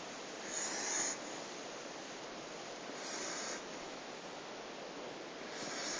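Hissing, rasping breath noises recur about every two and a half seconds, roughly 25 a minute, over steady room noise: snoring.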